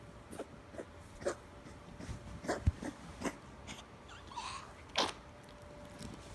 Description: 2 year old rescue Chihuahua / Miniature Pinscher with really bad Kennel Cough